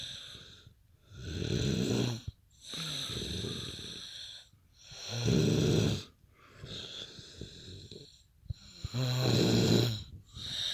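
Loud, rattling snores with a whistling edge on the breaths, roughly sixteen breaths a minute. Heavy snoring.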